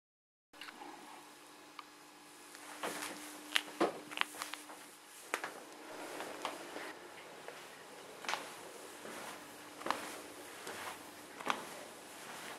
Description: Here is a short video showing what my knee is doing. It hurts, stairs are a pain (literally), and thank GOD I am having surgery next week to fix it!